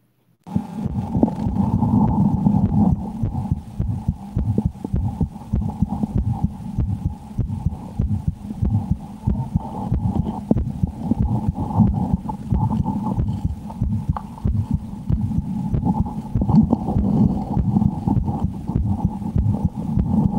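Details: Steady, low, normal heartbeat heard through a stethoscope, around 100 beats a minute, with a constant hum behind it; the woman's own heart, recorded for a horror game she fears.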